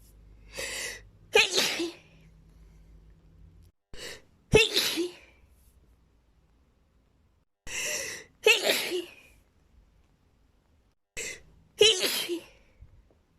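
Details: Four sneezes, each a quick indrawn breath then a sharp high burst; a run of sneezes.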